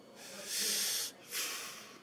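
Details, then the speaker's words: Imitated bronchial breath sounds, harsh and hollow with a loud exhalation and a pause, no crackles; described as a final-stage sign of fluid overload or other lung consolidation. "sign of fluid overload or other consolidation in the lung tissue"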